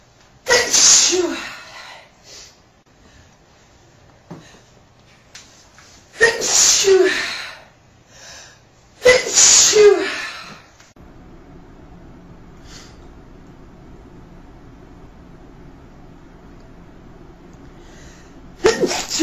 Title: Classic Sneeze 23